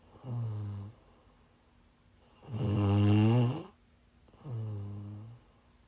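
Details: Snoring during sleep while sick: three rumbling, throaty breath sounds about two seconds apart with quiet gaps.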